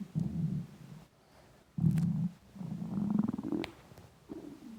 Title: Intense stomach rumbling hungry